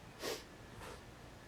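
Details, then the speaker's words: Cat with possible allergies sneezing twice in a quiet room, a sharper burst then a fainter one; the cat had not sneezed all day before recording began. "cats are sneezing uh one yeah one has allergies or something as you can probably hear hasn't sneezed all day we hit record starts to sneeze"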